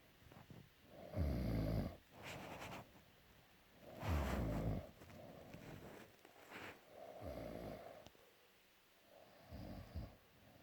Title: Peka snoring